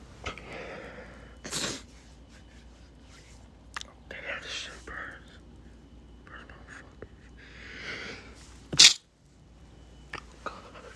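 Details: Male sneezing, induced by chickpea (likely chickpea powder) as a challenge, with eyes watering: several sneezes, stifled and one loud burst, with sniffing and quiet breaths between, in a small room.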